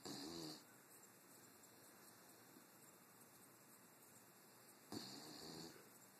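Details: Sleeping dog snoring: two rattling, throaty breaths about four seconds apart.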